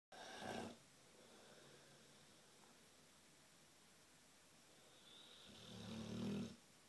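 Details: Snoring in a Neapolitan Mastiff sleeping up against a wall: deep, rumbling snores, two breaths with a long quiet pause between them.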